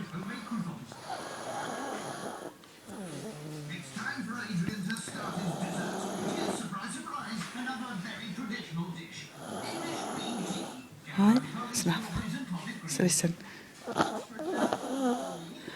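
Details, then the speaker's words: Adult woman who denies snoring, filmed asleep: loud, rattling snores repeat with each breath, with faint television talk behind. "You filming it? So when she says she don't snore, we can show her that."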